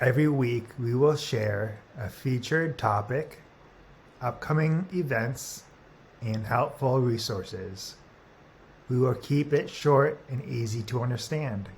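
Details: Adult speaker; normal speech.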